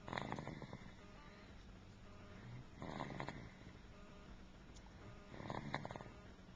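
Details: Sleeping child snoring, recorded with a Flip Video camcorder: rough, fluttering snores on each breath in, about every 2.7 seconds (roughly 22 a minute), with quiet gaps.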